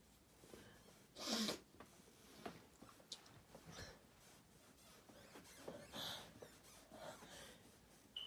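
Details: Sneezing: one loud, sharp sneeze followed by a softer second sneeze and quiet sniffing breaths.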